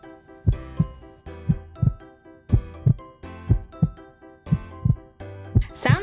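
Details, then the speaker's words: Simulated heartbeat sound effect from a toy stethoscope during pretend vet play with a toy kitten: regular paired lub-dub beats, about 58 a minute, with background music; described as a good strong, perfect heartbeat. "like a good strong heartbeat time for you little kitten it's really okay your heart is perfect"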